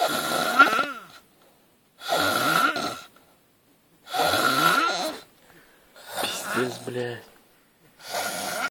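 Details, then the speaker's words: Person snoring loudly while asleep; loud rattling snores about every two seconds separated by silent pauses, in a quiet room. "Ты не веришь, блядь, что ты так храпишь. Послушай, как ты храпишь, сучка."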